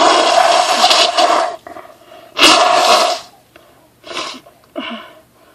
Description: I was in home depot for about 10 minutes with a strong tickle in my nose, and all of the plants, tools, wood, etc must have irritated my nose badly because these non-stop sneezes happened right after